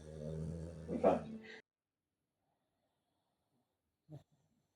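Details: Foster pug with brachycephalic airway syndrome, recorded before BOAS surgery: a loud, low, rattling snore on one breath, then a brief snort; stertor from an obstructed upper airway.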